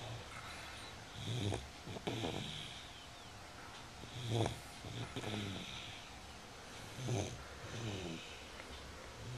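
Soft, irregular snuffling snores with short snorts over a faint hum, in the pattern of a sleeping dog snoring.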